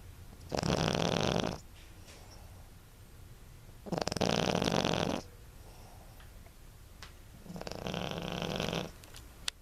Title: Yorkie Snoring